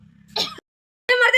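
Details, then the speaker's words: Simulated cough in a comedy skit, an adult patient brought to a doctor for heavy coughing: two short, forceful acted cough bursts with a quiet pause between them. "अरे भैया ये तो बहुत जबरदस्त खांसी है यार।"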